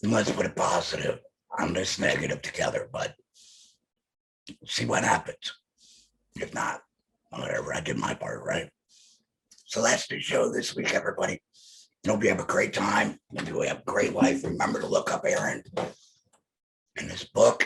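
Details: Alaryngeal speech from an adult male laryngectomee.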